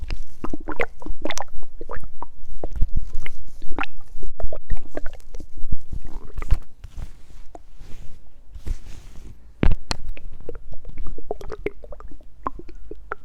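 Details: Hungry stomach growling with water sounds, background music: rapid low bubbling and gurgling pops mixed with watery sloshing; borborygmi.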